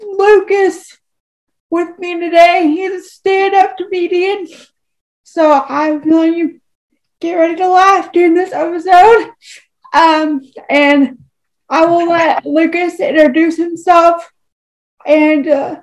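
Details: Woman with cerebral palsy who uses a wheelchair and says her disability is evident when she talks; real speech; finding: dysarthria due to cerebral palsy.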